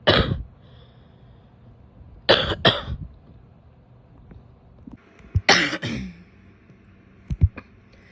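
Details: Several harsh cough bursts from a female in a quiet room: a single cough, a double cough, then another paired cough, with faint clicks afterward.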